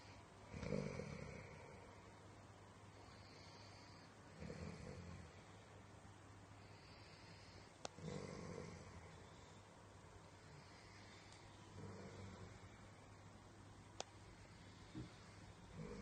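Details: A male brindle boxer dog, born May 2019, napping gives soft low snores every few seconds during sleep, with faint room noise; snoring.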